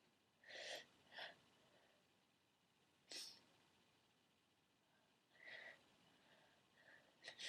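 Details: Female, sneezes induced by tickling the nose with a bobby pin: several sharp, forceful, loud sneezes in quick sequence, some in pairs, five big ones in all.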